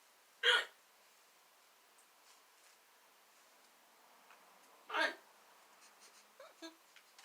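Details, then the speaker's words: Girl with strong, persistent hiccups after laughing while slouched, later suspected acid reflux disease: two sharp, abrupt hiccup sounds about four seconds apart with faint room noise between. "Gosh. I swear you're choking somebody. Oh wait, you're choking yourself."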